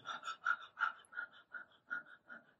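Quick, regular puffs of air through the nose, roughly five per second, in a quiet room: deliberate dog-like panting used as a diaphragm breathing exercise.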